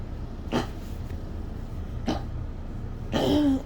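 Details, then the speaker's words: Yorkie with rapidly collapsing trachea in a frequent 3 a.m. coughing fit, at times nearly soundless while hacking: three harsh, dry hacking coughs, the last with a brief honking, squeaky tone; tracheal collapse cough. "she got to the point where she wasn't like wasn't making any sound again while she was trying to hack up so i went and picked her up"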